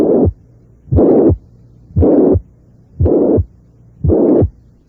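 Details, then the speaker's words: Mitral regurgitation: a loud, harsh holosystolic murmur loudest at the apex, about 58 beats a minute; the murmur turns harsher as its intensity rises. "soplos históricos tienen intensidad máxima a nivel de la punta y desde el ingreso planteé y tono alto puede considerarse que corresponde a una insuficiencia mitral"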